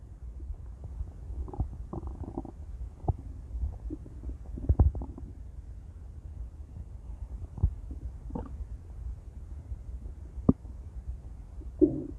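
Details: Female with intense stomach growls: low gurgling and rumbling with scattered sharper pops and squeaks throughout; borborygmi.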